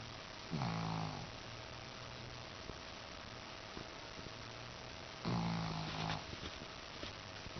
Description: Yes, this is a minute and a half of my shih-tzu snoring. Enjoy.